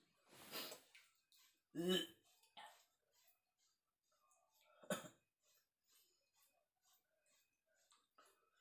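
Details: Cough in an adult man unwell with a chill, aches and a cold during rainy weather, at dawn while his wife scrapes his skin (kerokan): three separate harsh coughs over several seconds, with faint scraping sounds between.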